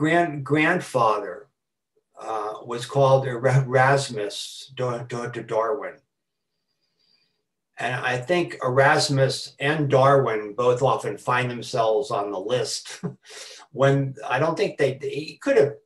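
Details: Adult man who has stuttered since about age four; stuttering with repetitions, fillers and blocks throughout his speech.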